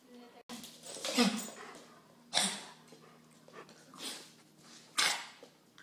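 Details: Pet recorded at home for the vet, because it wouldn't do it at the clinic: harsh, abrupt hacking and retching bursts with dry heaving, and nothing brought up.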